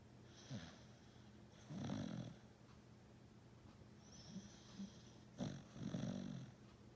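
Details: Snoring: soft, fluttering snores in short bursts with quiet room noise between them; plain snoring.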